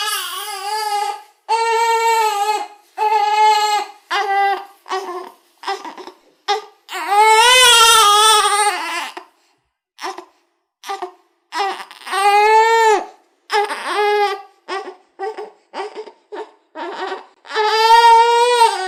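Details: One-month-old baby crying in repeated high-pitched wails, some long and some short, with brief breaths between; infant crying.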